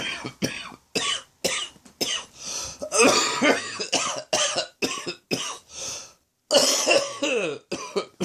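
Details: Adult with a doctor-diagnosed throat infection (not a chest infection) coughing repeatedly in short, harsh bursts: persistent cough from throat infection.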